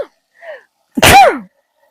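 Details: A short breath in, then a single sharp, explosive sneeze with a falling voiced tail, from a young woman, part of a sneeze compilation; sneeze.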